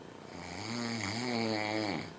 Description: My husband snoring but sounds like a freight train